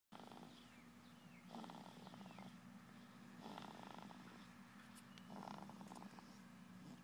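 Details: Steady low rumbling snore with louder breathing bursts about every two seconds (about 30 a minute) over a constant background hum; snoring.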